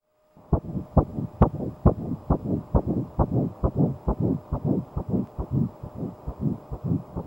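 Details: Fast, regular whooshing thumps of a fetal heartbeat at about 136 beats a minute.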